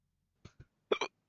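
Four abrupt, brief throat clicks within about a second, two soft and two louder: ordinary hiccups.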